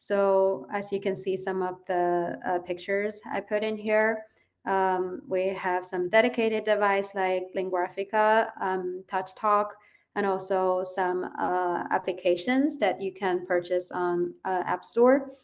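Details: Adult woman presenting; normal adult speech.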